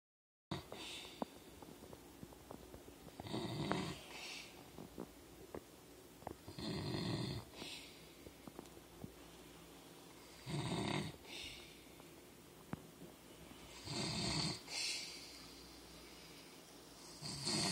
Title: Dad snoring!!